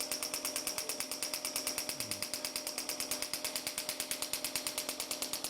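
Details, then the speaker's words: Rapid sharp regular clacking pulses, about three a second, from a shockwave therapy handpiece applied to tense back muscles for back pain at a spine clinic; shockwave therapy device. "Спочатку буде трошки болюче, але потім біль буде розчинятися. От зараз подивимося. І такий трохи специфічний звук. Да, робочий."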